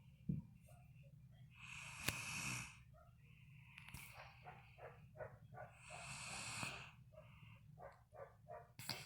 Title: Sofie snoring pt.2